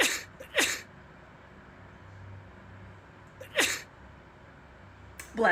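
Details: Repeated ordinary sneezing: about four forceful sneezes in a few seconds, each a quick intake then an explosive burst.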